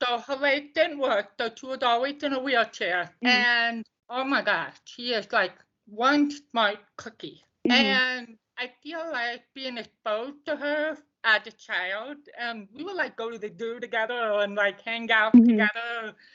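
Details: Deaf speech of a woman deaf since birth, diagnosed at 18 months, bilateral hearing aids until college, now cochlear implants; she reports poor volume control and speaking loudly.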